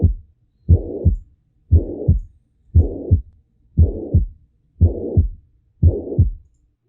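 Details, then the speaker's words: Mitral regurgitation, with backflow from the left ventricle to the left atrium during systole and a possibly softened S1: a regular heartbeat near 58 per minute with a blowing systolic murmur between the first and second sounds. "então aqui basicamente você vai ter refluxo do ve pro atro esquerdo né ventrículo esquerdo pro atro esquerdo durante a cisto ventricular a B1 pode ficar hipofonéticas e aqui O sopro vai tá aqui ó"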